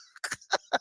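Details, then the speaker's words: Brief gag with coughing during a live broadcast: three quick, harsh throat bursts in under a second, while the speaker is struggling with their voice. "gagged yeah uh yeah and i absolutely have zero my gag reflex it works nothing should be back there according to me"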